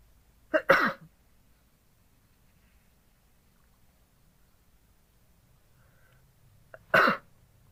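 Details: Adult sneezing while wearing an oxygen mask: two sharp sneezes several seconds apart, each with a quick catch before the burst.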